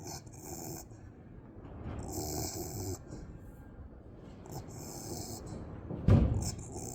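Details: Dog being scratched, snoring louder the longer the scratches last: low rumbling snoring breaths broken by scratching noises and a loud bump near the end; snoring.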